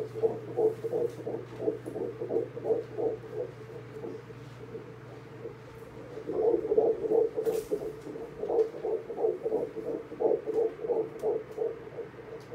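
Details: Rapid, regular whooshing pulses from an ultrasound Doppler at an 11-week pregnancy third checkup; fetal heartbeat at about 176 beats a minute.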